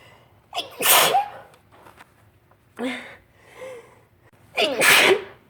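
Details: Spring allergy sneezing, suspecting pollen on a windy March day: several forceful sneezes with voiced gasps and cries between them.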